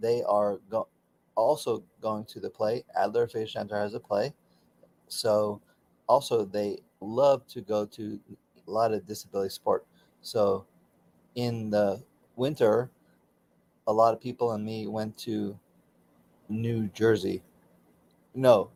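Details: Aphasia for about 13 to 16 years after a stroke during surgery, in a man still working with a speech pathologist.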